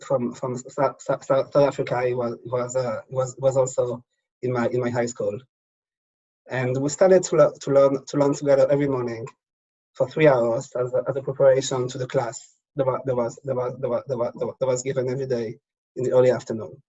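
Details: Adult man who has stuttered since childhood, speech worse when tired at day's end, telling his own story; stuttering.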